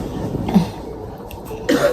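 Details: Two short, harsh coughs with a throat-clearing quality from an adult in a quiet hospital room; cough.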